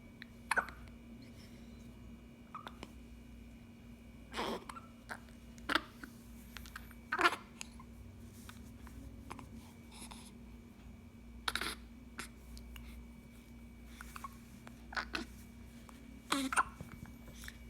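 Quiet room with a steady hum. Sharp, brief throat catches recur about every one to two seconds, around ten in all, consistent with hiccups.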